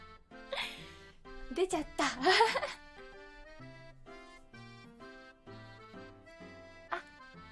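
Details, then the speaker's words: Short, breathy sneeze over steady background music, followed by light vocal sounds; an ordinary sneeze. "くしゃみ出そう。お出ちゃった"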